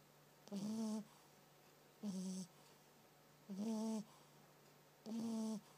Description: My French bulldog, Sookie, snores when she sleeps. Oh, and this was a quiet nap. Lol